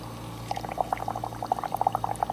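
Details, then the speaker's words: Invacare Perfecto2 oxygen concentrator with humidifier, nasal cannula placed in water: steady quick bubbling over a low hum, showing oxygen flow and proper setup. "we want to place our new nose piece down into here and make sure that it bubbles if this bubbles like so"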